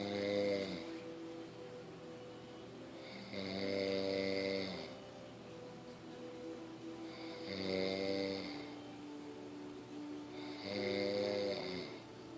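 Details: A man's habitual loud snoring: four loud, rough, buzzing snores at regular intervals, about 19 a minute, over a steady musical tone in the background.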